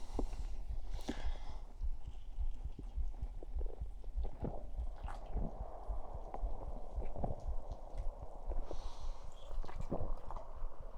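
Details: Stomach sounds recorded with a 3Dio binaural microphone after soda gulps and burps: steady low gurgling and rumbling with scattered soft pops and bubbling; ordinary stomach and bowel sounds.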